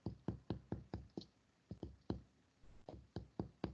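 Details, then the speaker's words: A chest percussion teaching demonstration: finger-on-finger taps give hollow, low-pitched notes over air-filled lung, with sides compared anterior and posterior above the nipple line; a normal resonant percussion note. "é um som restante Ok então você vai observar a presença de São restante tanta região anterior como na região posterior do mamilo para baixo"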